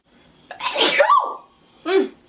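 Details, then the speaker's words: Sneeze during a recording blooper: a drawn-in breath, then a single loud voiced sneeze followed by a short vocal exclamation. "trip oh my goodness okay i was 109 sure i was gonna sneeze i was i was pretty positive sketchy"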